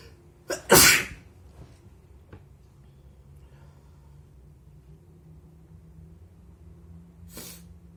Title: very wet sneezes + nose blowing on kleenex